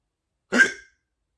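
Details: Hiccups before sleep: a single abrupt, strong hiccup with a brief catch of breath, then silence. The person says the hiccups are strong today and cut off their breathing.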